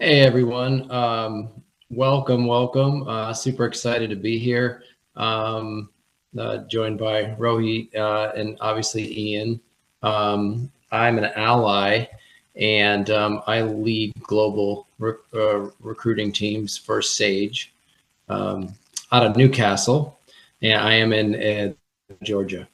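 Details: Adult man; typical speech.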